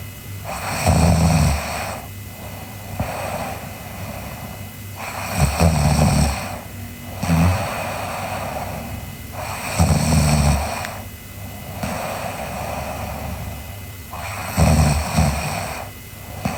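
Loud, rumbling snores with each breath in, about 13 a minute, separated by quieter breaths out; ordinary snoring during sleep.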